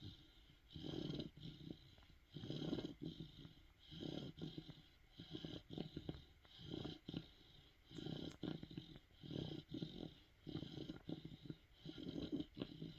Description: Cane Corso Puppy Snoring